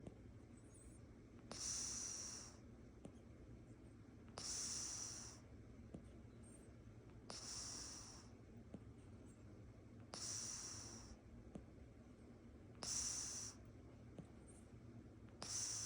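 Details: Oriental Shorthair cat sleeping in its owner's lap: soft, hissy, slightly whistling snores on each breath, about 22 a minute; snoring.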